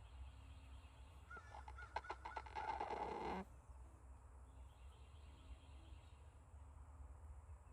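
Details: Rooster snoring.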